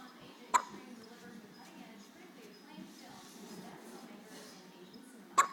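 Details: Infant with hiccups: two sharp, abrupt little catches about five seconds apart against quiet room noise; hiccups.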